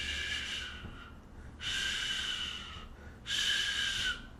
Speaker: then it is a crescendo it's a crescendo decrescendo murmur shhh